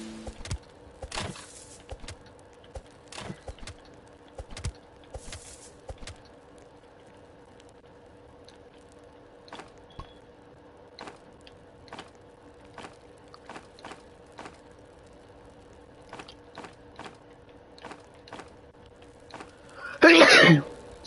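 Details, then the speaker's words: A single sharp, loud sneeze from a streamer during a live gaming stream, after quiet clicking and a low steady hum. "You hear how I sneeze, bro? I sneeze. I don't sneeze like a regular [ __ ] bro."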